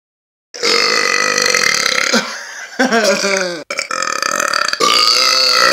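Several long, loud, rasping burps in a row with brief gaps between them. Repeated belching.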